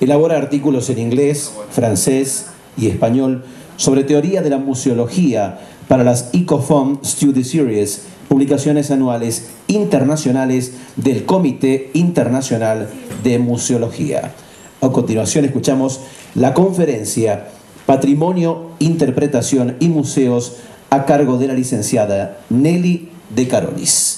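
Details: Adult speaker; Typical voice.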